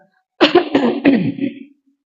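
An adult man gives three quick, forceful coughs merging into throat clearing, in a quiet room.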